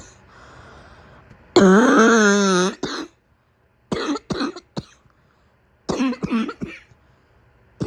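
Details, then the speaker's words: Simulated morning cough from a woman acting as a sick girlfriend with a raw, burning throat: a long strained hacking bout, then several short harsh barking coughs in clusters; acted cough. "You like it, huh? You like it when my cough gets out of control and I start barking. All right, here I go again."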